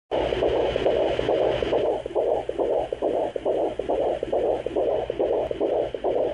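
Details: Fetal heartbeat at 17 weeks of pregnancy recorded with a pocket fetal Doppler: fast, regular whooshing pulses at about 140 a minute, within the normal range.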